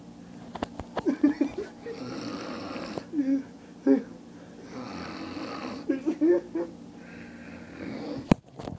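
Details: Loud snoring from an adult man asleep on a basement couch; the snoring pauses when his mouth opens: snoring.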